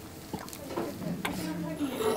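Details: Whooping cough (pertussis) paroxysm in a young baby in intensive care, lips going purple, monitor beeping.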